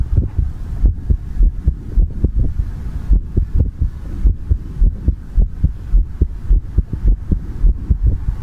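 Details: Heartbeat for ASMR: deep, regular paired thumps at roughly 53 beats a minute with a low background hum.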